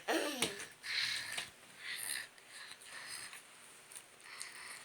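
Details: A young child makes breathy, hissing snore-like noises in quick bursts, playfully imitating his father's snoring.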